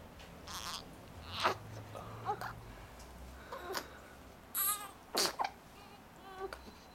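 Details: Fussy infant cry from an infant who has the hiccups: brief whimpers and short cries over room noise and faint music.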